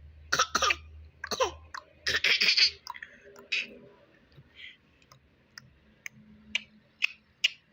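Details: A baby playfully fake coughing: several short, deliberate coughs and throat-clearing sounds, a voluntary cough.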